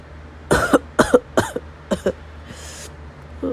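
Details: Acted roleplay of a sick girlfriend (F4A): four short voiced coughs then a breathy exhale; simulated cough.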